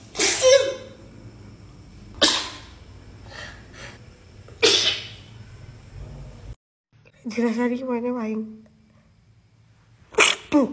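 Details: Person with a cold sneezing: four sharp, explosive sneezes with a brief voiced sound between them, in a small room.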